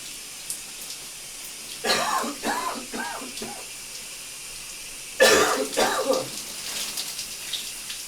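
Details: Coughing in a steamy shower: two bursts of loose, wet coughing over running shower water; a productive cough bringing up mucus.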